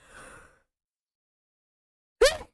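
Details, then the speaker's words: A soft breathy intake, a pause, then one abrupt loud voiced burst with rising pitch. The person announced "I'm going to sneeze" beforehand: a single sneeze. "uh okay never mind and keep walking because we have to go to the color campaign i'm going to sneeze"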